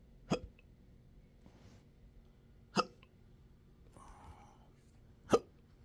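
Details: Person with intractable hiccups since December 2015, with choking spasms, belching and developing achalasia III, in 12-hour daily episodes. Three sharp, sudden, irregularly spaced hiccups over about six seconds with quiet breathing between.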